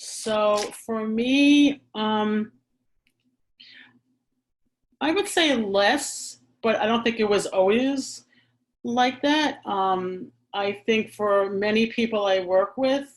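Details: Adult who stammers, speaking in a real chat; stuttering.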